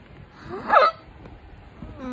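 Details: One loud, forceful, strained hiccup rising out of noisy breathing, part of very strong hiccups in a woman lying down just after a seizure; hiccup.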